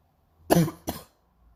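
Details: Painful morning cough: two harsh, forceful coughs in quick succession in a quiet room.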